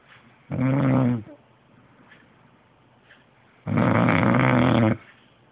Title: snoring boyfriend